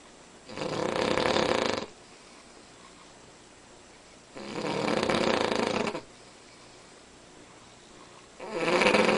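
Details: Sleeping Cavalier King Charles Spaniel, described as unusually loud: rough snores about every 4 seconds, roughly 15 breaths a minute, with quiet gaps between: snoring.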